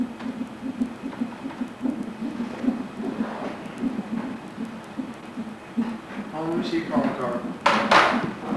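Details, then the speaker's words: Fetal heartbeat on a labor-ward Doppler monitor during labor with contractions; rapid rhythmic whooshing pulses, with a voice near the end. "and here's the baby's heartbeat see hey see your little heartbeat right there can you hear your heart beat"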